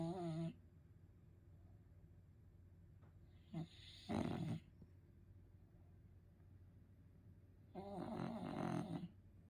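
Rough, rattling snores come in short bursts several seconds apart over steady room noise; ordinary loud snoring during sleep.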